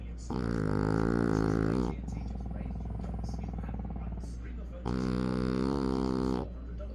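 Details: French bulldog snoring: loud, rough, rumbling snores, one long inhalation followed by a quieter buzzing exhalation, then another loud snore.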